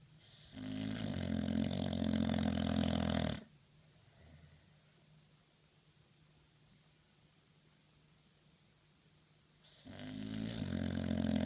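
Long, loud, low rumbling snores on the in-breath with quiet pauses of several seconds between them; dog snoring.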